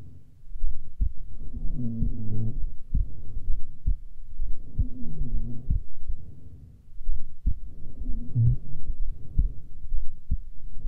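Low, muffled thumping heartbeat with a steady slow rhythm under a soft humming rumble; resting heartbeat.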